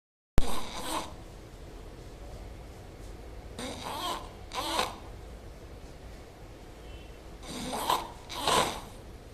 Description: I took this video in flat to show my friend how loudly he snores while asleep.